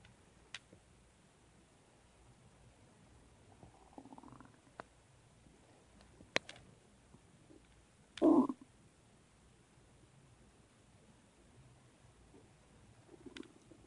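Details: Person's own stomach noises: quiet gurgling and a louder brief growl against near-silence, ordinary bowel sounds (borborygmi).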